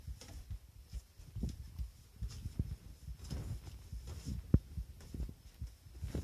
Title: heart sound 💓💓💓💓💓